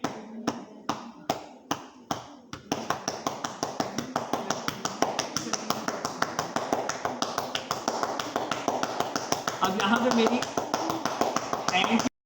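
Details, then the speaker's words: Chest physiotherapy in the ICU: cupped-hand percussion over the posterior chest, first one hand and then both hands, about three per second, producing rapid rhythmic hollow clapping to loosen secretions. "दूसरी चीज ये होती है एक होती है cup cup का sound होता है ये और एक होता है थप्पर थप्पर का साउंड ये होता है"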